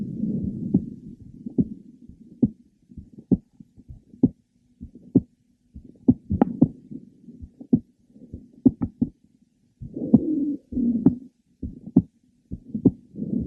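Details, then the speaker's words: Woman with mitral valve prolapse, heard at the third left sternal border: irregular heart sounds with frequent premature ventricular beats and a series of mid-to-late systolic clicks; she notices skipped beats mostly when lying down. "okay you could detect her frequent premature ventricular beats and her series of clicks that were heard in the mid to last part of cyy"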